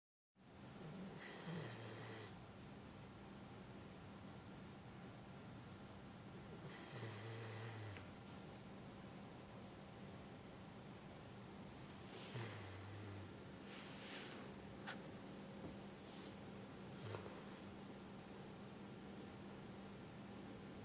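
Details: Regular low, rumbling snores on each inhalation about five seconds apart, roughly 11 a minute, over steady room hum; snoring.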